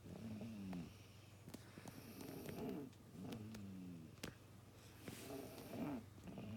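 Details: Sleeping child snoring: soft, irregular, rattling snores with faint clicks in a quiet room.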